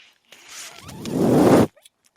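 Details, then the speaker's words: A podcast host's mechanical ventilator: a short rush of air swells over about a second and cuts off sharply as a breath is delivered. "My name is. That noise you're hearing is my ventilator."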